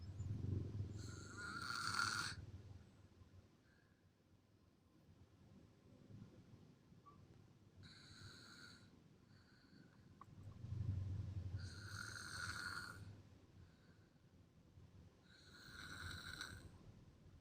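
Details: Ordinary snoring: repeated snores about every five seconds, each a low rumble followed by a whistling hiss on the out-breath.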